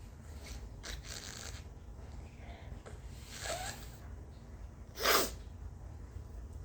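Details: Sniffing and nose-blowing that triggered one sharp, explosive sneeze in a quiet room; nose burning throughout, throat hurting afterward; sneeze.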